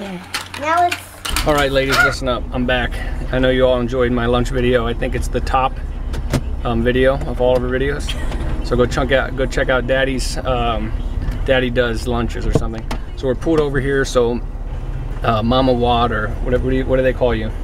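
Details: Adult male speaker; Normal speech.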